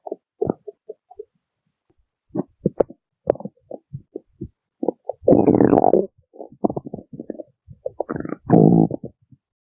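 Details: Woman's stomach growling: irregular gurgling and squeaky rumbles in bursts, with louder prolonged growls, as ordinary borborygmi.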